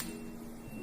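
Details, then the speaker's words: Tuning fork struck at its tip for the Rinne hearing test before placement on the adult male patient's right mastoid: a faint, steady ringing tone over quiet room noise. "Getarkan gat utara dengan cara memetik ujung dari gat utara atau Anda bisa juga mengumpulkan pada ee siku Anda."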